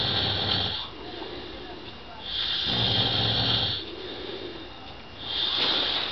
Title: Snoring roomate Zambia